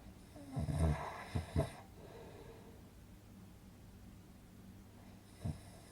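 A rough, rattling snore on breathing in, followed by quiet and the start of another; a sound-effect recording of snoring.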